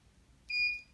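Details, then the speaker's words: A single steady high-pitched beep under half a second as an electrocautery device activates to treat a nevus araneus (broken capillary) on the hand: electrocautery device beep. "in this case we're going to see if we can use a little Coty this is the Coty it's just a little pinch okay you're going to hear this noise but a little baby pinch right"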